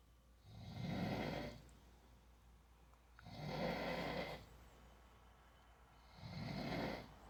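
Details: Adult man (a father) snoring in sleep: three loud, rough snores on inhaling with quiet pauses between, about 22 breaths a minute; ordinary snoring.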